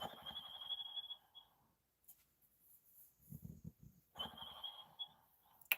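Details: A sleeping dog snoring with a whistling, rattly sound on each in-breath, about fifteen breaths a minute.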